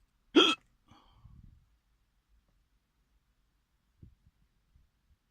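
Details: One abrupt, loud hiccup while eating in a car, followed by faint breathing and small quiet sounds; a single strong hiccup.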